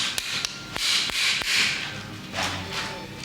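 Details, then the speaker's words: Sharp, irregular tapping blows with scraping between them: a surgical mallet seating a metal knee implant during bilateral knee replacement for severe arthritis. "this is the hammering you way"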